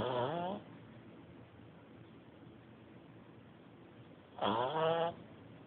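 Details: Two tonal, vibrating snores about four seconds apart over a steady background hiss; ordinary pet snoring.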